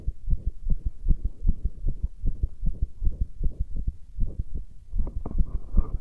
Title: Pressure Heartbeat 9